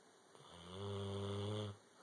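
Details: Snoring: a single low, buzzing, tonal snore on an in-breath, lasting about a second, in a quiet room.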